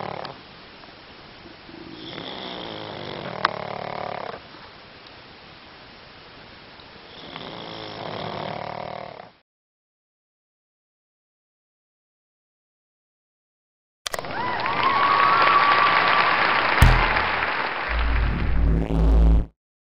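Low, rattling snoring breaths from a sleeping small dog, followed by louder handling noise.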